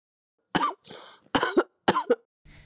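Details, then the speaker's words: Three short, dry coughs with a breathy inhalation after the first, from an asthma patient coughing into a phone for an AI cough-analysis app, which showed a yellow caution light. "이번에는 천식 환자의 기침 소리를 인공지능에게 들려줘"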